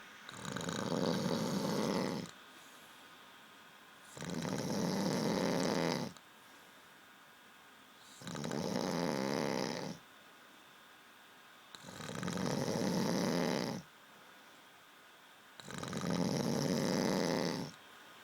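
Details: Snoring: steady, regular rasping snores on each breath in, about 16 breaths a minute, with quiet breaths out.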